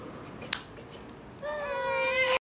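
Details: 4-month-old baby during ear piercing: a sharp click, then a sudden high, sustained wail, a cry in response to brief pain.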